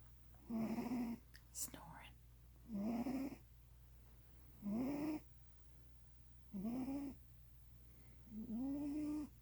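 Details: Big male cat asleep, making regular pitched moaning snores about every two seconds, roughly 31 a minute, over a low hum, apparently dreaming; snoring.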